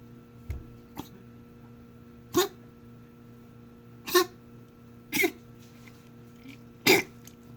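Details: Lola coughing.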